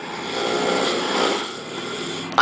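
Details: A loud, rough, rattling snore held about two seconds from a male friend filmed while he sleeps, jokingly presented as a wild beast; the friend is said to snore anywhere.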